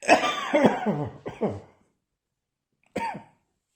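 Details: Returned cough: a run of three or four harsh coughs, a pause, then one more cough.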